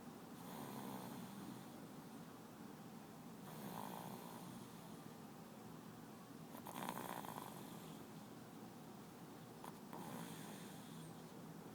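Steady, rough snoring on each breath in, about 19 breaths a minute, with faint room noise.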